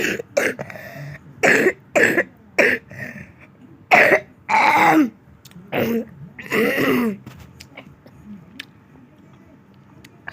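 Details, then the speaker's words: Child coughing with a run of about nine short, harsh coughs and throat-clearing bursts in irregular bouts, quiet room between; cough. "Please, Batuk jangan ganggu aku lagi, please."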